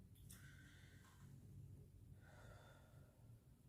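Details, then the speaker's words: Adult patient takes one deep breath in and out through the mouth on request during a physical assessment, before tactile fremitus and stethoscope auscultation. Normal deep breathing. "but I'll tell you when okay take a big deep breath"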